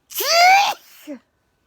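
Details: A single loud, sharp sneeze with a brief voiced burst, followed by a short quiet exhale; an unexpected sneeze from an adult.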